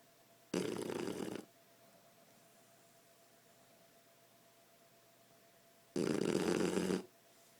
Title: 8 month shar pei sleeping/snoring and moving paw!